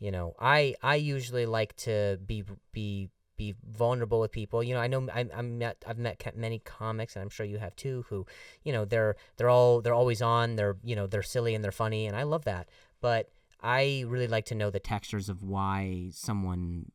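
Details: Adult male comedian who stutters, saying the stutter has gotten a lot better over the years, speaking conversationally with repeated words and phrases; stuttering.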